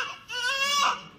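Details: A short, high-pitched, strong wail from a 4.3 kg newborn just delivered in hospital, described as hungry; newborn cry.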